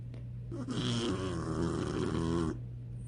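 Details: Female puppy with megaesophagus and severe hip dysplasia, asleep: a single drawn-out, rattly, buzzing snoring breath over a steady low room hum.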